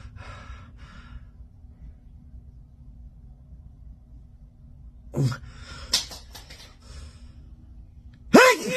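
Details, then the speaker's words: Person trying to sneeze with eyes open: a quiet stretch, then sharp catching breaths and a loud, abrupt voiced burst; a sneeze. "Trying to sneeze with my eyes open."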